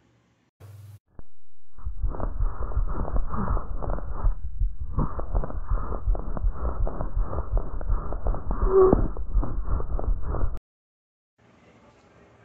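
Loud, harsh blowing breath sounds in two long phases separated by a brief pause, with a coarse pulsing quality; bronchial (blowing) breathing.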